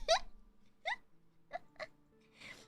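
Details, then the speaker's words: Male pet cat sneezing directly into a microphone during a livestream: a few quick sharp bursts over faint steady room hum, small cat sneezes; cat was purring beforehand. "Bless you, big boy. Oh my goodness. That was a good sneeze. Bless you, big boy. He sneezed directly into the mic."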